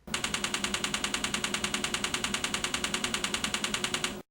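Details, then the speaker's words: Rapid, regular loud clicking, about 200 per minute for four seconds, from a NeuroStar TMS coil over the left prefrontal cortex (5 cm anterior to motor threshold site) treating major depression in an awake patient; TMS pulse train. "the neurostar TMS system delivers a sequence of 3,000 pulses during a treatment session"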